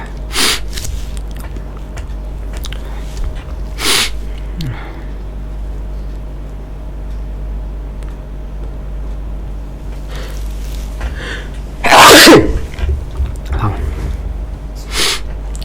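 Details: Repeated sneezes: several sharp, explosive bursts of air through the nose and mouth over a steady room hum, one much louder than the rest.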